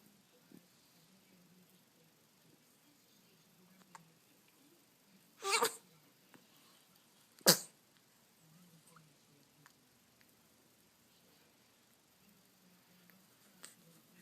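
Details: Cute sneezing: two small, sharp sneezes a couple of seconds apart in a quiet room.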